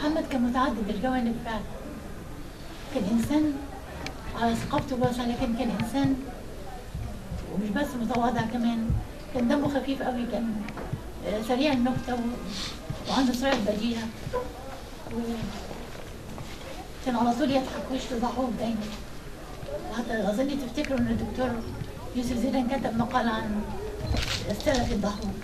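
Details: Dysphonia in an adult woman reciting poetry at a memorial; she reports that something happened to her vocal cords after mechanical ventilation, affecting her voice.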